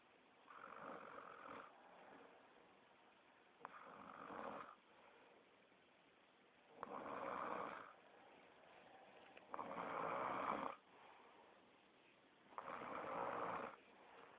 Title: Girlfriend snoring